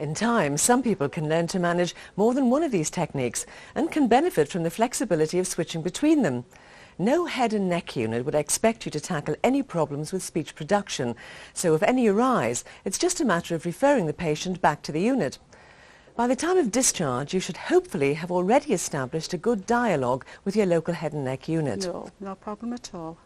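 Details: Adult narrator; typical speech.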